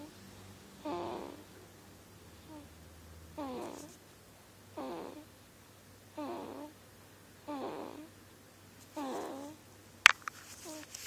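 Six soft, evenly spaced snores with a rasping, buzzing quality, about 28 breaths a minute, and a sharp knock near the end.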